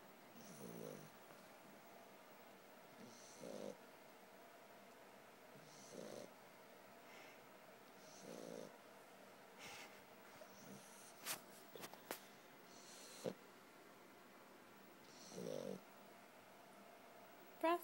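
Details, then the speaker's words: Sleeping puppy with soft, regular snuffling snores about every two and a half seconds, faint clicks, quiet room; snoring. "Brasco. You snoring? You snoring, baby?"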